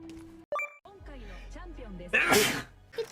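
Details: A single loud, explosive sneeze after a brief sharp intake, amid talk and light background sounds; the streamer, who had mentioned feeling cold, then says excuse me.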